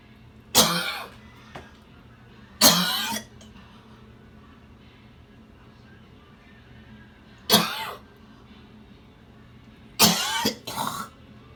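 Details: Four separate harsh coughs, the last a double cough, with quiet gaps between, from an adult in a coughing episode after skipping his daily jog for four days; he blames being targeted.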